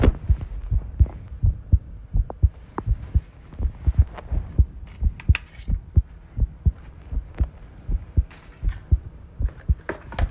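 Heartbeats at about 85 a minute with uneven spacing between beats, under rattling and rustling background noise; an irregular rhythm.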